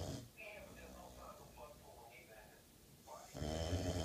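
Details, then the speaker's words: Boxer mix dog asleep, snoring as loud as a man: low, rumbling snore on the in-breath, with quieter stretches between snores while the owner talks to wake her. "penny wake up baby stop all that snoring crazy dog"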